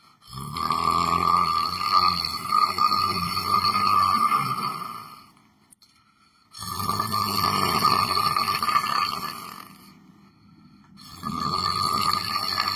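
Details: Person sitting on a chair, sleeping: long, loud, rasping snores, each lasting several seconds, with quiet gaps, about five breaths a minute; steady rough snoring.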